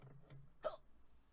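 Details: A single sharp, abrupt hiccup from a young Korean woman streaming, over quiet room noise and faint music: hiccup.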